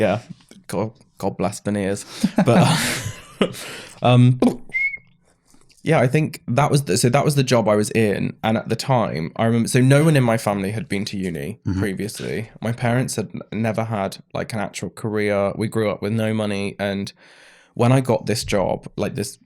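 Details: Adult man with Tourette syndrome diagnosed in his mid-20s after illness, brain swelling and brain damage, with a stammer on every word after seizures; vocal tics.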